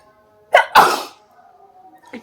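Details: Sneezing challenge using paper: a short intake followed by one loud explosive sneeze, with faint music in the background; sneeze.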